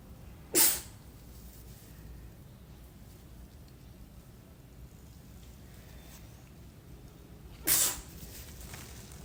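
Two sharp, explosive sneezes several seconds apart over a quiet background: ordinary sneezing.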